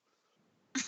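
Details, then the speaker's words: Adult with a three-week cold, on steroids for two weeks and antibiotics for another, gives a single short, loud, harsh suppressed cough after near silence. "I've been on the steroid for two weeks I've been on antibiotic for another week and as you can hear I'm trying not to cough right now"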